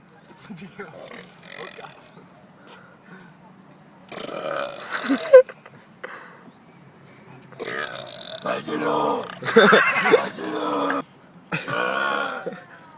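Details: Deliberate "piggy" burping: several long, loud, drawn-out belches with quieter sounds between.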